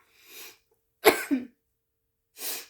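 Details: Single harsh cough between soft breaths from an adult woman who is just getting over an illness, recorded while talking.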